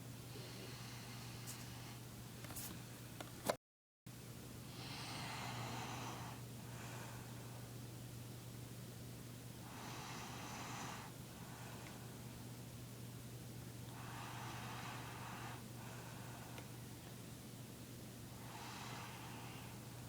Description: Turn your volume up really loud to hear her snore!